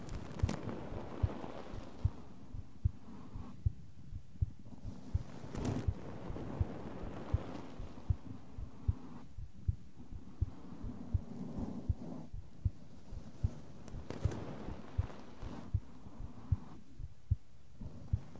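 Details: ASMR heart sound recording: steady, soft low thumps at about 65 beats a minute with faint brushing noise in the background (brushing and tapping on the other ear); regular, normal heartbeat.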